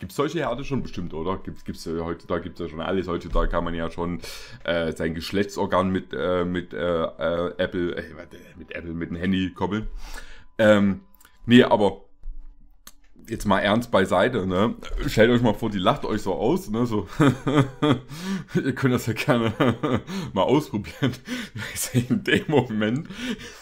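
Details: Adult man speaking German; normal speech.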